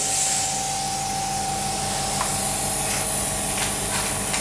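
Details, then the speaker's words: Electric suction machine with its suction nozzle dipped into fluid in a demonstration: a steady loud hissing rush with a faint motor tone, joined by irregular gurgling slurps as fluid is drawn through the tubing into the collection bottle. "तो ये देखिए, ये इसने सक करना शुरू कर दिया, ये देखें, ठीक है, ये सक कर रहा है।"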